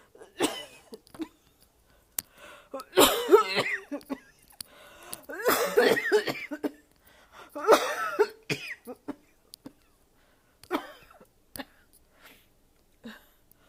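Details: Painful coughing fit, felt in the throat and chest: several harsh, forceful cough bursts with throat clearing.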